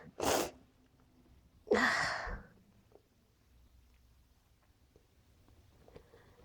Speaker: Sneeze. Phew. I gotta sneeze. Phew. Phew. Sneeze. Phew.